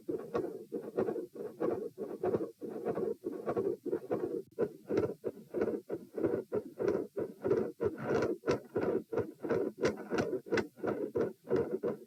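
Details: Heart sounds from a seated subject recorded at position P: rapid, scratchy paired sounds at about 94 per minute, with fixed S2 splitting plus extra sounds and clicks; fixed splitting of the second heart sound with extra sounds and clicks.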